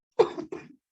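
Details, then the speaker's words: Adult teacher still symptomatic from an illness, coughing while talking during an online class: two quick, harsh coughs in close succession, the second softer. "así que van a disculpar que quizás esté tosiendo, ¿sí? Así que vamos a tratar de avanzar porque el hecho de hablar hace que me provoque más la tos."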